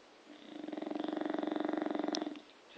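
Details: A single buzzing, fluttering snore on one breath, with fast regular vibration, from a sleeping bulldog; snoring.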